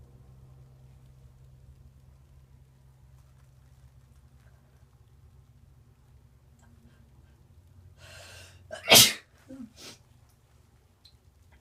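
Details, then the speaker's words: Person in the bath, suspecting allergy to a new bubble bath: quiet room hum, then one sharp explosive sneeze followed by a softer snort; allergic sneezing. "it's stuck. It's not coming out. What was that? Ugh, false starts suck."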